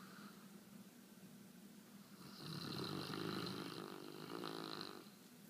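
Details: Gibson snoring while asleep and having a dream: quiet, fluttering snore on inhalation against soft room noise.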